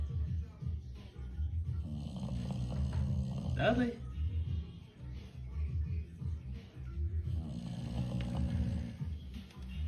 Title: Funny Sleeping English Bulldog 🤣🥱 #bulldog #fatboy #snoring